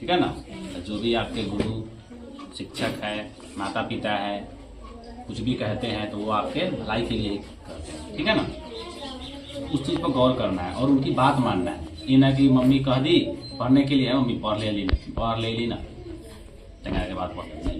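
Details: Adult man speaking Hindi; ordinary speech.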